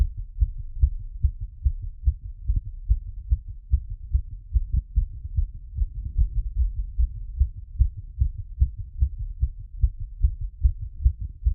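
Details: Stethoscope auscultation of the heart after a workout plus squats: fast, regular, deep heartbeats, roughly 140 a minute, a quickened rate after exercise.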